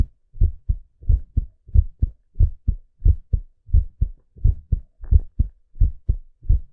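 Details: Male heartbeat: steady paired low lub-dub thumps, about 88 beats a minute, regular; normal heartbeat.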